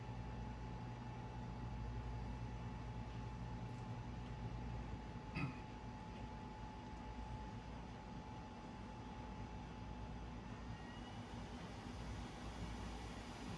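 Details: Fisher & Paykel Airvo 2 high-flow nasal cannula unit just switched on, starting its self-test, with oxygen flow meter not yet on (FiO2 21%): steady low rumbling hum with a faint whine of the device running.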